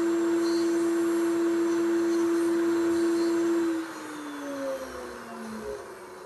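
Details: Simulated extraction of tooth #17, a typodont molar horizontally embedded in gypsum, with a 266AMC surgical handpiece: steady motor whine dropping in pitch and loudness as it winds down.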